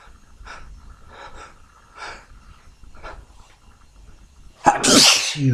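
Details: Wednesday morning sneezing fit, messy spray: several quiet breathy intakes, then one loud, forceful sneeze at the end.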